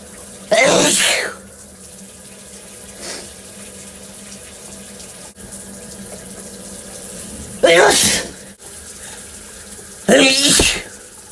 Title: Stifles Turned To Big Sneezes M